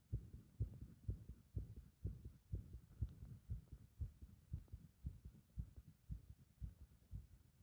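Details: Heart sounds with rhythm disrupted by compression: fast, muffled beats with uneven spacing, roughly 120 a minute; irregular heart rhythm.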